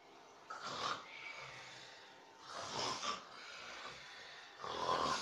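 Three breathy, snorting snores about two seconds apart, roughly 30 a minute. Ordinary snoring.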